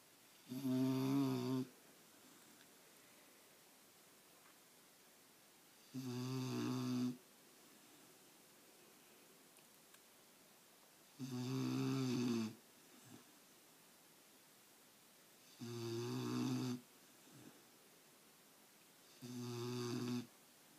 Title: Lily ( black lab) snoring!